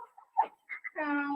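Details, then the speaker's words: A child gives short, harsh, bark-like coughs, then a hoarse drawn-out vocal sound. It is the persistent, hoarse 'dog-like' cough of acute laryngitis (croup), often viral. "então é uma tosse rouca né uma tosse que vem com um barulhinho próprio né um som roco as pessoas falam torce cachorro"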